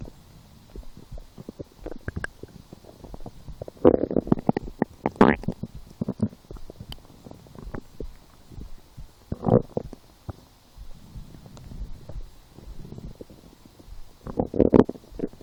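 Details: Stomach growling in a lying person who skipped breakfast, had a small lunch and ate two doughnuts four hours later and felt hungry: irregular gurgles, squelches and rumbling bursts. Normal hunger borborygmi.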